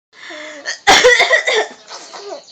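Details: A cough that makes a baby laugh: a soft voice, then one loud explosive cough followed by a few short trailing bursts.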